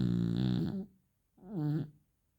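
Two low, rumbling snore sounds with a pause between, from a sleeping dog; ordinary snoring.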